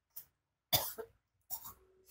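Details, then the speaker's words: Person coughing while lying asleep, with coughing or breathing narrowing, possibly from phlegm that is hard to bring up: three harsh cough bursts, the last rougher and trailing off. "Kali ini Ane akan merekam ini Ane yang lagi sakitan kurung mengalami gangguan batuk atau penyempitan pernapasan karena mungkin dahak yang sulit dikeluarkan."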